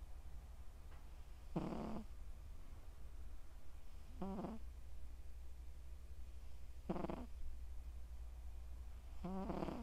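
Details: Four rhythmic, loud snoring breaths, roughly 25 a minute, over a low room hum from a sleeping male Scottish Straight cat born July 2020; ordinary cat snoring.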